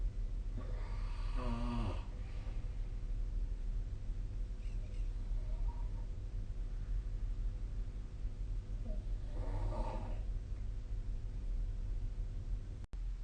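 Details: Snoring recorded with a snore-tracking app (SnoreLab): two rough, fluttering snores about eight seconds apart, largely masked by heavy low rumbling background noise.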